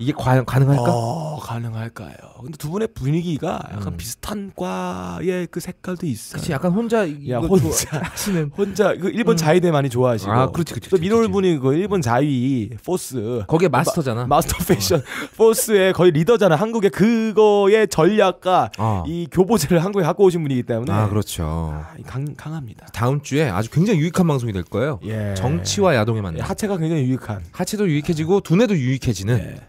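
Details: Adult man speaking Korean; no voice disorder.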